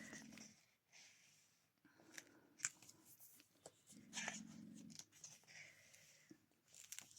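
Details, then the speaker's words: Pet dog snoring louder than a human: low, buzzy snores recurring every couple of seconds beneath paper crinkling and rustling in a small room. "Et si vous entendez ronfler, c'est mon chien qui ronfle. Il ronfle plus fort qu'un humain."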